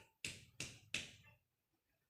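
Three quick finger taps on the chest, each giving a loud, hollow note that fades over a fraction of a second: a normal resonant percussion note.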